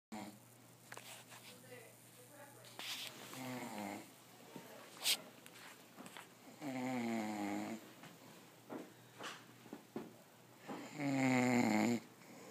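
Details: A man snoring after Christmas dinner and whiskey makes irregular harsh, buzzing breath sounds between quieter stretches of breathing; snoring during sleep.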